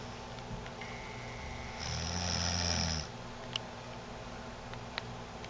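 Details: Mother caught on tape snoring while asleep: a single low, buzzing snore on an inhaled breath over steady background hum, with a few faint clicks.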